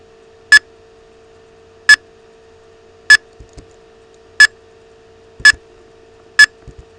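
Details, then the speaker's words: Simulated neonatal heart rate on a digital NRP resuscitation training instrument panel on a tablet: sharp electronic beep with every simulated heartbeat, about 50 a minute, steady low hum behind. "you'll hear a beep on with every heart ring"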